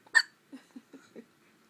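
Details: Little boy with hiccups: one sharp voiced catch followed by four soft, short gulping sounds in quick succession, a run of hiccups.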